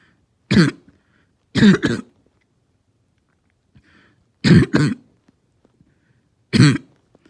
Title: Barking Cough